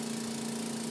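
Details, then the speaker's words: Suction machine switched on during a tracheostomy suctioning demonstration, drawing water through the catheter to lubricate it: a steady motor hum with an airy hiss. "so I'm going to unwind my suction source and I'm going to turn on my suction I'm going to get a little bit of water"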